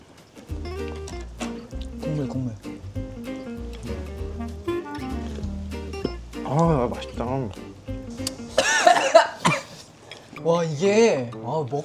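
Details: Background music with voices, then a few harsh, noisy coughing bursts near the end while eating very spicy ramen; cough.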